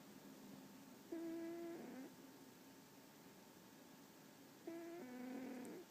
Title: snoring